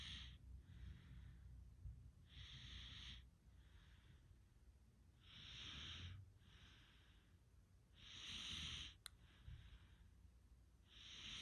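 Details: Snoring: rhythmic noisy breathing with rough, snorting inhalations, about 22 breaths a minute.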